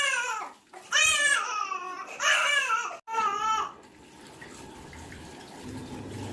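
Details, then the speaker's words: 5-month-old boy, exclusively breastfed, crying during his bath after a massage, which he often does: three loud rising and falling wails with brief gasps between, then quieter room noise; ordinary infant cry. "उसके बाद हम इसे अब निला रहे हैं तो यह नहाने में बहुत रोता"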